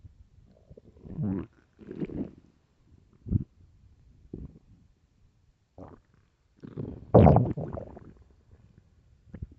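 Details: Very hungry stomach: intermittent low gurgling growls and groans from the belly, several bursts with one loud long rumble; ordinary hunger borborygmi.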